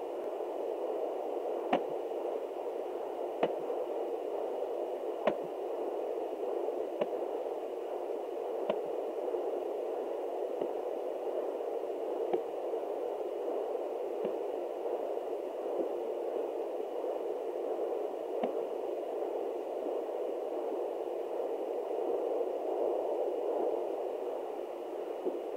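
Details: Fetal hiccups at 29 weeks of pregnancy, which the mother had also felt: soft, regular clicks roughly every two seconds over a steady hiss.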